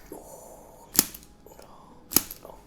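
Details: Spring-loaded activator adjusting instrument on the foot and leg of a patient with bilateral plantar fasciitis, aiming to support the arch and heel: two sharp, snapping clicks about a second apart, with faint room noise.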